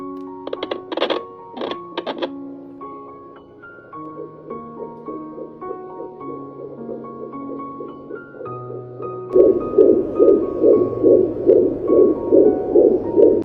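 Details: Home fetal Doppler device: rapid rhythmic whooshing pulses near 145 a minute, a fetal heartbeat, under piano music.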